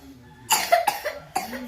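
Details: A child coughs, blamed on MSG and hard chips that hurt the throat: three short, sharp, dry-sounding coughs in quick succession in a quiet room.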